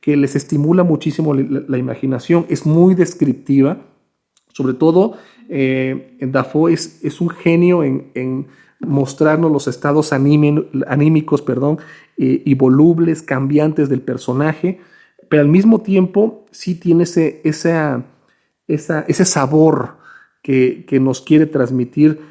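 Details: Stuttering with word repetitions in a male Spanish speaker who stutters.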